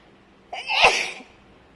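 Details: Loud, wide-nose allergy sneeze: a single explosive sneeze preceded by a brief breath-in, in a quiet room.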